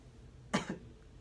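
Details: Acted cough from an adult: a single short, forceful cough with a brief trailing second burst in a quiet room.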